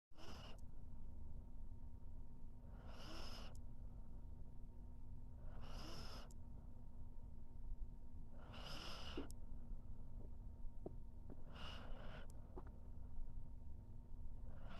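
Sleeping dog with a breathy, whistling snore about every three seconds, roughly 20 breaths a minute, over a steady room hum.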